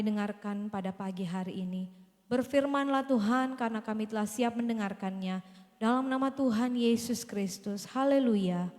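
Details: Adult woman; Normal speech.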